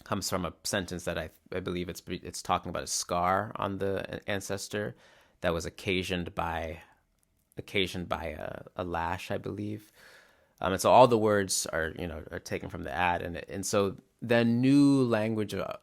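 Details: Real stuttering in a male musician who describes his stutter as glottal blocks that are often silent rather than repeated syllables; finding: stuttering.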